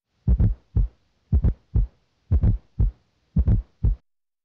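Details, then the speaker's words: Fourth heart sound (S4 gallop) on auscultation: slow, steady heartbeat with an extra very soft, low-pitched thud late in diastole just before S1. "a fourth heart sound or s4 may occur late in diastole just before s1 this ventricular filling sound is very soft and low-pitched now listen for s4"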